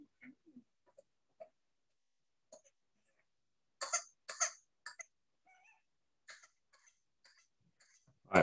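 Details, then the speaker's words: Faint, quiet bouts of coughing with intakes of breath between coughs, typical of pertussis (whooping cough), from a teaching talk on paediatric respiratory conditions. "so pertussis or whooping cough now this is where i really hope this video is going to work tell me if the sound is going on"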